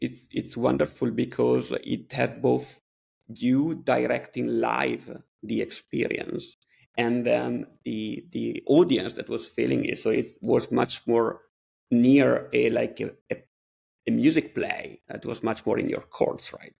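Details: Adult male speaker; typical speech.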